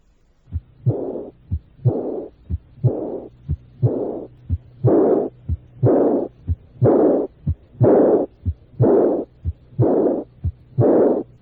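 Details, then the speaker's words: Recorded (Merck) aortic regurgitation murmur, maximal at left third or right second intercostal space: loudest right after the second sound, decreasing gradually through diastole, high-pitched and blowing; aortic regurgitation murmur. "el soplo es más intenso inmediatamente después del segundo ruido cardíaco disminuye de intensidad gradualmente Aunque puede oírse durante toda la diástole es de tono alto y aspirativo"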